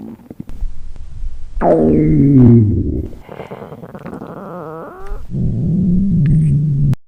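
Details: Simulated reproduction of a young woman's hunger stomach growling after skipping breakfast: long low gurgling rumbles with a rising, squeaky middle stretch; normal borborygmi.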